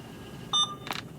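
A short high electronic beep from an infusion pump as a channel is switched off, followed by a faint click.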